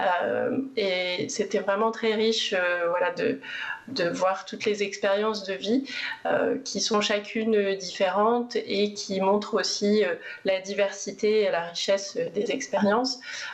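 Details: Adult woman speaking French; normal speech.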